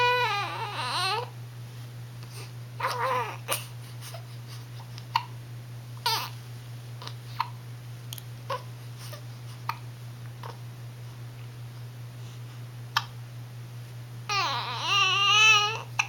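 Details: Sleepy infant girl aged 1 month 1 week: short cries at start and end with brief sharp hiccup-like clicks between, over a steady low hum; infant cry with hiccups.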